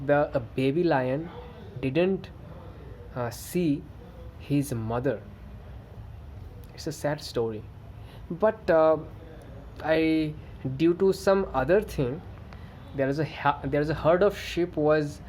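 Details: Adult male who stammers, reporting good days and days of bad stammering, narrating a story; stuttering.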